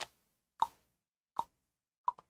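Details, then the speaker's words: Imitated objective tinnitus clicking, caused by muscular palatal myoclonus that makes the auditory (Eustachian) tube open and close, audible to people nearby. "Aí o zumbido objetivo, causas musculares, mioclonia palatal, né? Então, às vezes faz a tuba auditiva abrir e fechar, que outras pessoas do lado conseguem ouvir."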